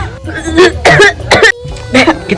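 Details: Acted wet coughs, four bursts in quick succession over background music, imitating a phlegmy productive cough.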